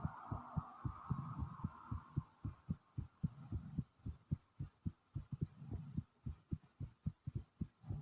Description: I recorded my heartbeat after i had just got back from the store and boy is it pounding hard